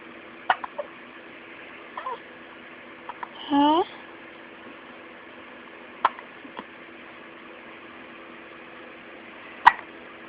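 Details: Hiccups in a 2-week-old baby girl.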